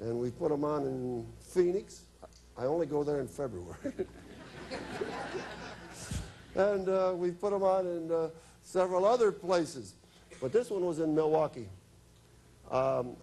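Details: Adult man speaking; ordinary speech.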